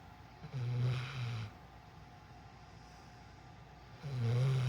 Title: just snoring away